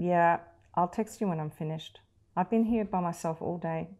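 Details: Adult woman, acted; fluent speech.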